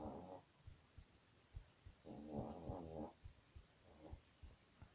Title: My dog snoring at night